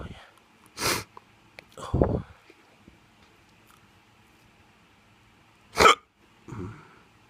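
A few sharp, abrupt hiccup sounds at irregular intervals, with quiet vocal sounds between.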